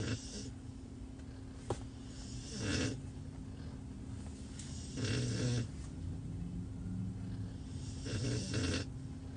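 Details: Rare chocolate Cane Corso dog sleeping alone in the backseat of a truck: slow, loud, rough snores about every three seconds, with quiet breathing between them; snoring.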